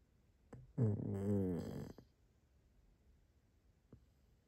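A single rough, fluttering snore lasting about a second, with soft breath sounds and quiet before and after.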